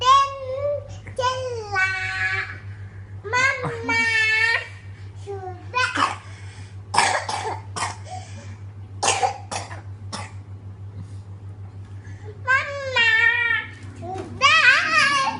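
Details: Child coughing while learning to sing: singing and talking interrupted by a run of short, dry coughs over a steady low hum.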